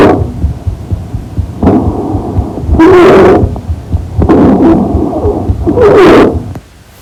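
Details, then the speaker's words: Stridor from a clinical-skills respiratory auscultation class: a harsh, high-pitched musical sound on the louder breathing phases, repeating every few seconds, from turbulent airflow through the larynx due to a narrowed or obstructed airway. "El estriol es un sonido respiratorio agudo resultante del paso turbulento del aire en la laringe. Este principalmente es causado por una vía aérea estrecha u obstruida."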